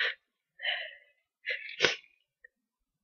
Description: had the sneezes today though so I managed to record a few. they were pretty powerful.